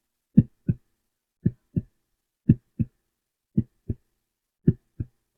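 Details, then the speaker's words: Heartbeat in a simulated ASMR doctor-exam roleplay, heard after deep-breathing lung checks: slow, regular paired lub-dub thumps, about 56 beats a minute, in a quiet room; described as normal heart rate and heartbeat. "So everything seems normal with your breathing. The heart rate and heartbeat sound good as well."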